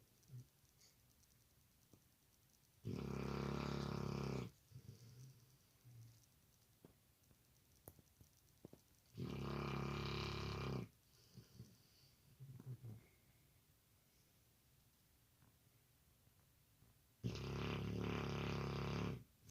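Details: Sleeping dog snoring, ASMR recording: three loud, rough rattling snores about six to seven seconds apart with quiet breathing between. Snoring.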